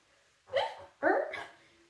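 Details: Two abrupt, short voiced yelps with a hiccup-like catch in a quiet pause, from a person with Tourette syndrome who is describing tic attacks on an airplane; vocal tics.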